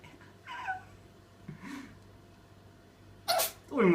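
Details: Ginger cat: soft snuffles, then a sharp, hissy sneeze near the end; cat sneezing.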